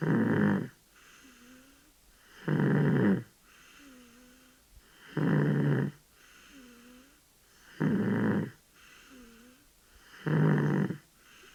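Regular, rasping snores with each breath during sleep, at about 23 breaths a minute, with quiet pauses between.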